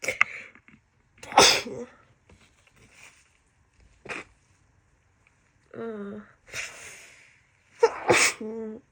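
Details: Repeated wet sneezes with sharp bursts, brief voiced catches and sniffing between them, from a woman with a severe summer head cold who is also blowing her nose and is exhausted.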